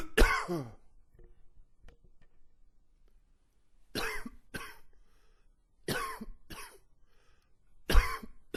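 Repeated harsh cough bursts in pairs, with rough, wheezy tails and quiet breaths between, fitting a long wheezy cough.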